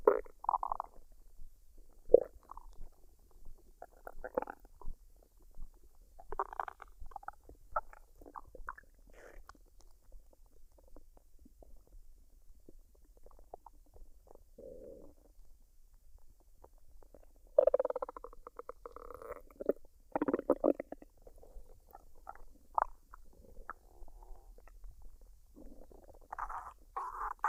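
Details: Adult woman's belly digesting a meal of fried rice and duck, recorded unedited with no talking: irregular gurgles, squelches and bubbling rumbles. Normal bowel sounds.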